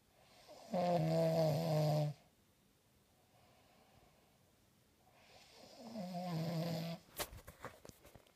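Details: Two loud, low, rattling snores on in-breaths, separated by quiet exhalation, then a brief rustle; ordinary snoring.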